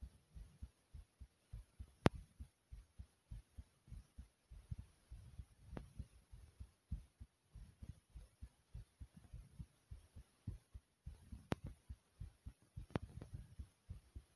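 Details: Heartbeat recorded after jumping in place for a few minutes to make the heart race: rapid, regular, strong thumps at roughly 130 per minute; exercise-induced sinus tachycardia.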